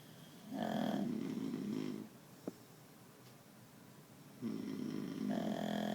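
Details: Two long, buzzing, droning snores with a soft pause between them and faint room hiss, snoring during sleep.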